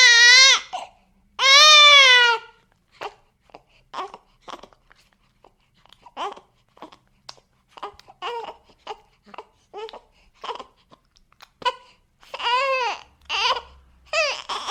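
Sound-effect recording of an infant crying, with two long wails, short fussy sounds, then renewed crying.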